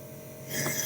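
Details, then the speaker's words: Pulmonologist's demonstration of an electric compressor nebulizer with mouthpiece attached: quiet, then rising rasping hiss as the compressor pushes high-pressure air through tubing to form mist; normal operation. "यह mouth piece लगा लिया। और यहां से देखिए। है ना? कितनी प्रेशर से मिस्ट बन रही है।"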